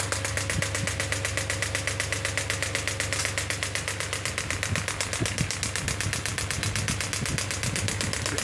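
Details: Biotronix pneumatic radial extracorporeal shockwave therapy (ESWT) device, up to 10 bar, probe firing while frequency is being decreased in demonstration: rapid, steady mechanical tapping, about four pulses a second.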